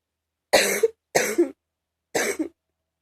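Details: An adult gives three deep, chesty morning coughs in a quiet room, each with a short second push at the end.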